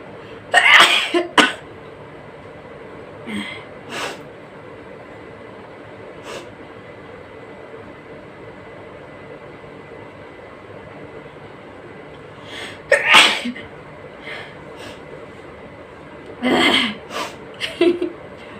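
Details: Several sharp, explosive sneezes in short clusters, separated by quiet pauses with low room noise; sneezing in a nose-sneezing challenge.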